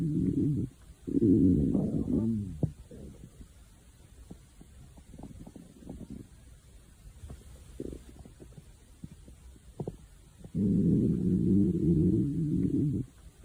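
Long, loud rumbling growls with quieter gurgles between them; hunger-related stomach growling.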